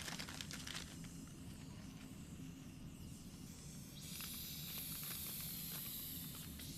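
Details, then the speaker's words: Suction catheter equipment check during tracheostomy and oropharyngeal suctioning care: a small amount of sterile water or saline suctioned at medium vacuum, steady hissing with a low motor hum, growing louder and sharper as fluid is drawn through. "and fourth suction a small amount of water or saine to make sure the equipment is working properly"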